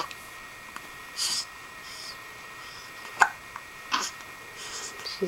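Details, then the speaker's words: Hiccups: short, sharp hiccup sounds at irregular, ordinary intervals with faint room noise, in a child who gets hiccups daily, even hourly. "all right we're going to try to make those hicups go away say bye bye"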